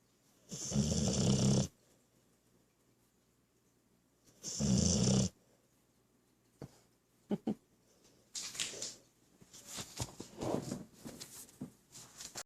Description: My Sweety snores while he Is awake. He's always so silly.